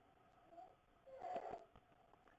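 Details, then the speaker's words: A sleeping young child with croup, working hard to breathe with belly effort: inspiratory stridor, a faint harsh tonal noise on each breath with soft whimpering. "so this is inspiratory Strider so this is a kid with croo who's sleeping and you can hear the difference that Strider"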